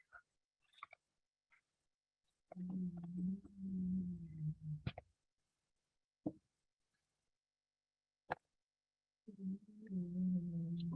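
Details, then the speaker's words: A dog snoring loudly while asleep in the background during an indoor art session. "my dog is snoring if you can hear her behind me she really likes to hang out with me while I'm doing this stuff but then she falls asleep and makes a lot of noise"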